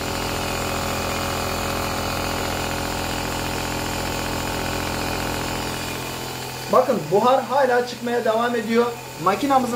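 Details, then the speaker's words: Omron C101 Essential compressor nebulizer running with medication loaded: steady, moderate mechanical hum and buzz, described as not too noisy, about 58 decibels. "ノイズが多すぎません、ノイズが多すぎません、ノイズが多すぎません、中程度のノイズがあると言えます。今、マシンを再び起動しています。蒸気はまだ出続けています、私たちの機械の音はこんな感じです。"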